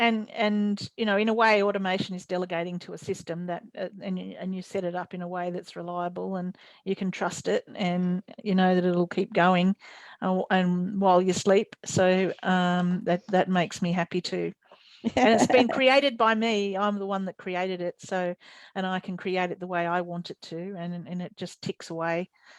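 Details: Adult woman speaking; normal speech.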